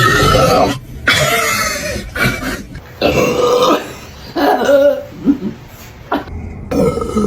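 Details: A series of loud, drawn-out belches with brief pauses and laughter-like bursts in a small room, deliberate burping during a Sprite drinking challenge; burping.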